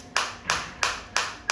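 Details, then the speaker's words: Focused shockwave therapy applicator firing on the operator's hand with frequency set at 180: sharp, evenly spaced snapping pulses, about three per second. "Frequency में आपको change आता दिख रहा है। Sound के साथ भी पता चल रहा है।"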